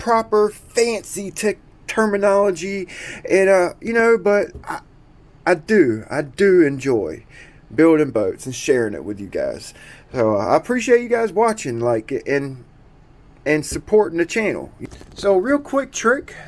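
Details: Adult man who describes himself as someone who stutters and repeats himself a lot; stuttering.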